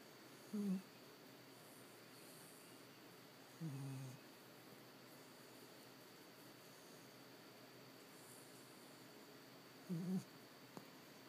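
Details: Three soft, low snorting snores spaced a few seconds apart over steady room hiss from a sleeping puppy; snoring.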